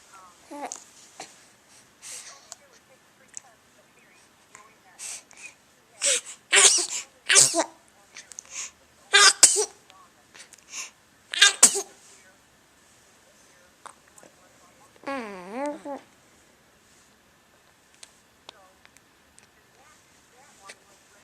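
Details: Tired baby sneezing, recorded on a Flip Video camcorder: several short, high-pitched infant sneezes, followed by a brief whimper or cry; sneezing.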